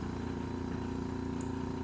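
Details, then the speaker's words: Steady motor hum with a low throbbing pump rhythm from a portable surgical suction machine switched on, with the tube folded so the pressure rises; a nursing training demonstration. "So we have to turn like this, then you on. Again you check, fold the tube, the pressure is increasing."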